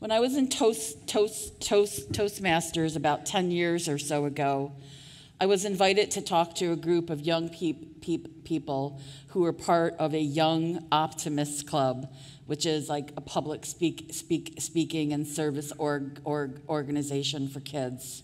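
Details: Adult woman who stutters, speaking at a 2023 stuttering association conference keynote; part-word and word repetitions audible; stuttering.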